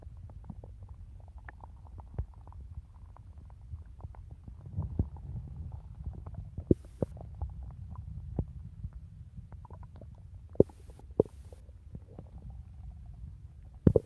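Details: Stomach growling (borborygmi) in a person eager to eat a cookie: faint low rumbling with scattered soft gurgles and pops over quiet background noise, normal bowel sounds.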